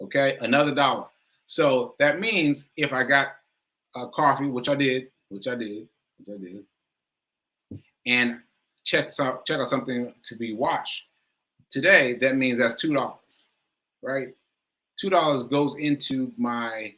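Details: Male speaker who says aphasia is affecting him today and that he lost track of his point; speech shows word repetitions. Aphasia.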